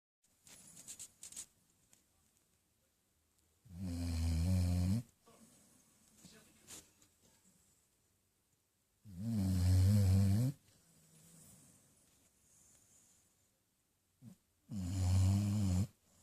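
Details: Lucy, a female basset hound, asleep on her owner's lap, snores almost immediately after settling: loud, low rattling snores on each breath, about 11 a minute, with quiet pauses between.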